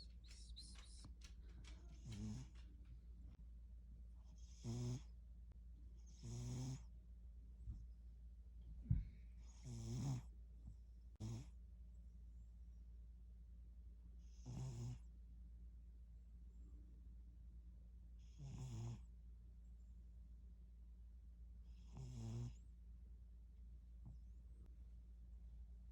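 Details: Tabby cat snoring, possibly awake rather than asleep: soft, rhythmic rasping breaths roughly every three to four seconds.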